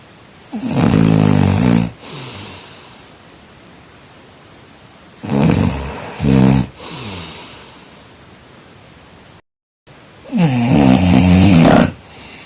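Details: Loud, rough snores on inhaling, three in about twelve seconds, with quiet exhalations between; heavy snoring during sleep.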